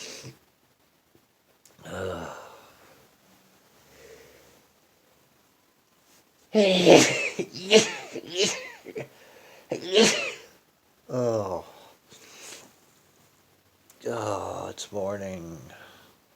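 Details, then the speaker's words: Repeated morning sneezing on waking with a stuffed-up nose: several sharp, voiced bursts after quiet intakes of breath, with short pauses between them, including rapid ones. "I had a request to make morning videos a morning video another one of sneezing and it's horrible today"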